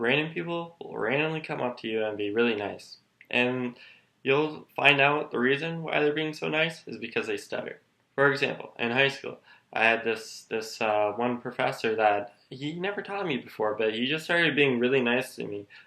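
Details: Male speaker with his own stutter, which he attributes to the language loop between Wernicke's and Broca's areas; he finds reading aloud hard and stutters less with close friends; stuttering.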